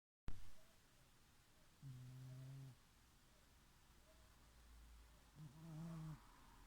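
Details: Pet cat snoring while asleep and dreaming; snoring.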